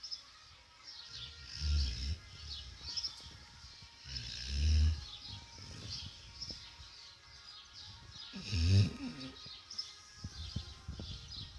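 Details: Sleeping Akita Inu dog dreaming and snoring: low, irregular snoring, about 15 per minute, with soft snorts and murmurs and faint background sounds.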